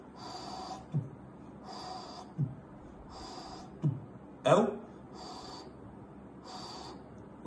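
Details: Pansystolic murmur (mitral regurgitation), vocal imitation.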